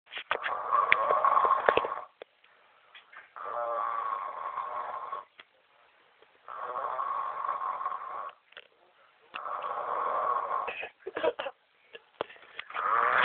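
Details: Dog labelled "Boston" caught snoring: loud rattling snores in regular breath cycles, roughly 20 a minute, with brief pauses between.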